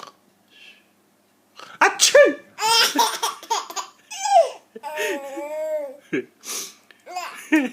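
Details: A 4-month-old baby laughs loudly between his father's sharp sneeze-like bursts, possibly exaggerated for play.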